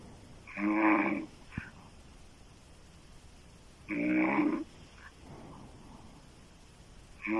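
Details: Adult woman snoring loudly with her mouth open, sounding like a man.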